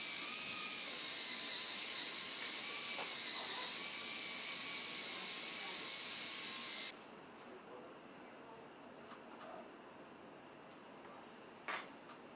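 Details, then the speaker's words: High-pitched steady whine of a surgical power drill boring a marked hole in bone for about seven seconds during bunion osteotomy, then quiet room noise; surgical drill on bone. "find the exact area where i need to drill my hole in the bone"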